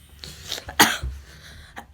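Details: Child of about 11, soon turning 12: a single short, sharp cough with faint breathy sounds before and after.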